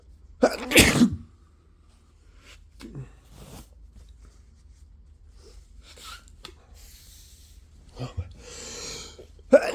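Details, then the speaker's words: Adult with flu and repeated sneezing fits: one loud, explosive sneeze, then quiet breathing and small sounds. "so it's an easy I feel another sneeze I really really have to sneeze"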